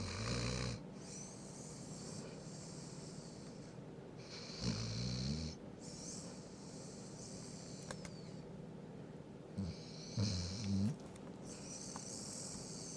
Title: Tank Snoring